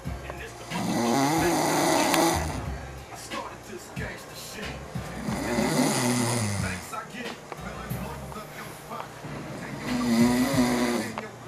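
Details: French bulldog snoring: loud, rough snores recurring every few seconds over background music and noise.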